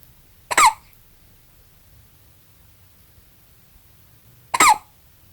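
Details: Newborn baby, 20 hours old, with two short, abrupt hiccup sounds about four seconds apart and quiet between; newborn hiccups.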